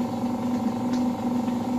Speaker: जैसे आप देख पा रहे हैं अब बहुत तेज हो रहा है, अब मुझे छोड़ना पड़ रहा है। इसको और तेज कर दूंगा मैं, ये फुल पे कर दिया हमने तो ये तगड़ी वैक्यूम बना रही है।